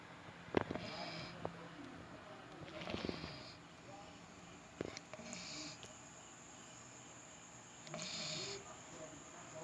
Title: The snoring dog, Choko boy 😆